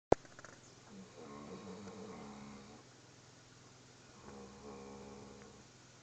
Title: Bear snoring in his foster home